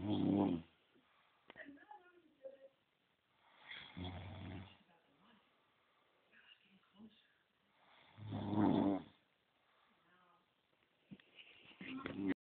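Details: Man snoring in his sleep while being poked: loud, low, rattling snores on each breath, about 15 a minute, with quiet pauses between; ordinary snoring.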